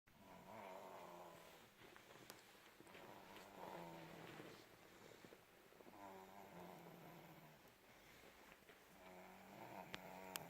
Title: Snoring baby